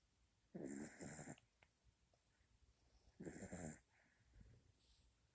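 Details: Young female dog, newly acquired, snoring in sleep: two loud, rattling inward snores about two and a half seconds apart with soft breathing between; she snored a lot then.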